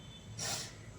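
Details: Snoring (imitated).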